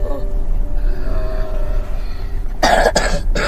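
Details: Cough from a child who has a cough and cold (pilek) and keeps eating ice.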